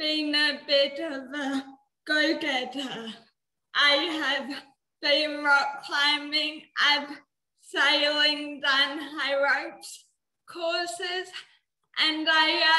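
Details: 19-year-old woman with cerebral palsy, which she says affects her mouth muscles and speech; she could not walk or talk until age eight; dysarthria (cerebral palsy).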